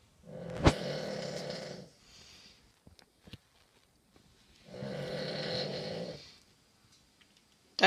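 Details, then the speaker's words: Female dog snoring extremely loudly in sleep: two long, loud, rough snores about four seconds apart, with quiet pauses between. "dog snores really loud. Yeah, she snores ridiculously loud."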